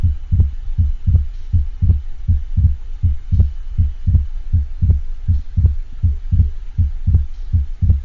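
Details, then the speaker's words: Simulated regular heartbeat near 80/min with fixed splitting of the second heart sound, as might be heard with atrial septal defect or pulmonary hypertension. "and the next thing we're going to listen to is the fixed splitting of the second harp sound as might be heard with either an atrial septal defect or pulmonary hypertension"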